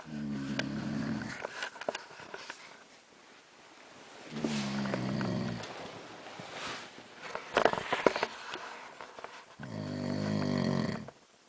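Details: Husband asleep at night, recorded in the dark: loud, rough, rattling snores on each breath in, spaced several seconds apart, with quiet breathing between; snoring.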